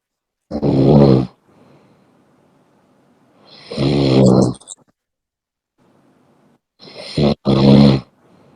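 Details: Heavy snoring in sleep: loud, rattling, buzzy snores in bursts about every three seconds, with quiet gaps between.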